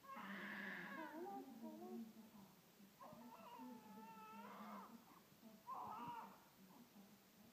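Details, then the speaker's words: Newborn baby's first cries just after birth: thin, wavering cries in several bursts, with quiet room noise between them. "It's daddy baby No don't cry Papa will take you home now"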